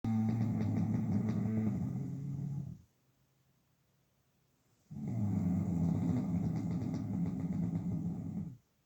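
Two long, loud, rattling inhaled snores with a quiet pause between them, typical heavy snoring.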